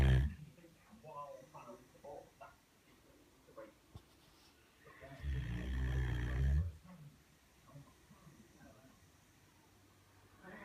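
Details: Great Dane dog, very tired after a long walk and play, snoring: deep rumbling snore on an in-breath with softer snuffling breaths before and after; quiet room.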